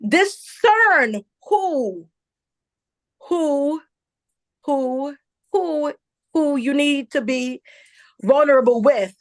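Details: Adult woman, a self-identified stutterer who stuttered a lot as a child and also reports a traumatic brain injury from a 2012 accident; real stuttering with word and part-word repetitions.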